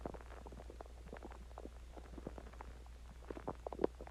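Soft bubbling, gurgling rumbles over a low steady hum, typical of ordinary stomach growling after eating and drinking.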